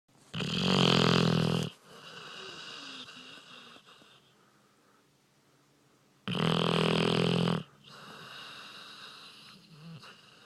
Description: Loudest snoring dog in the world